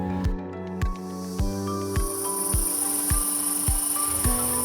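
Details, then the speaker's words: Simulated airway demonstration: regular soft air pulses, about 105 a minute, from an AirPhysio oscillating positive expiratory pressure (OPEP) device for children attached to a clear tube representing a bronchial tube with mucus, music behind; the pulses vibrate and loosen the mucus. "Now listen to the pulses of air. These gentle pulses help remove the mucus from your airways."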